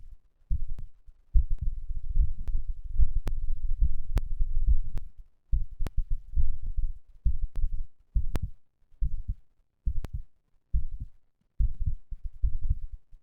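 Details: Heart sounds recorded after exercise, the third such recording: a strong, regular, low thumping heartbeat at about 70 beats a minute.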